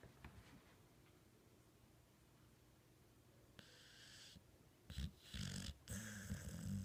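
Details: Quiet room, then a few short snorting, rattling snores from a sleeping dog; snoring.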